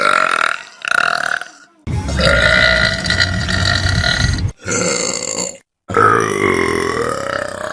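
Several long, loud burps in a row, some with a vocal tone, with music in places.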